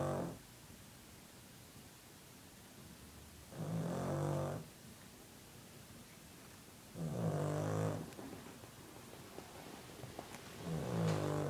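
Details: Dog snoring: slow, deep rattling snores about every three and a half seconds, roughly 17 a minute, in a quiet room.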